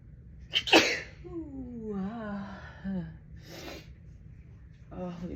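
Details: Adult female allergy sneeze from dust allergy: a sharp, forceful sneeze burst after a brief intake of breath, then a soft vocal groan and a later sniff, with watering eyes and stuffy nose.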